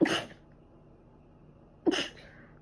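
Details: Two sharp, explosive sneezes about two seconds apart; sneezing recorded over two days, thought to be from dust allergy, during a cold with ongoing cough and runny nose.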